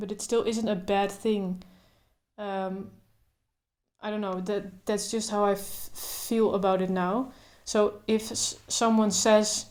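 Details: Adult woman who stutters, including blocks, speaking naturally without trying to control her stutter; stuttering.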